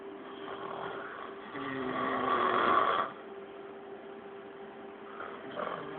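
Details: Man snoring while asleep: a single long, rattling snore on the in-breath, then quieter breathing over a steady background hum.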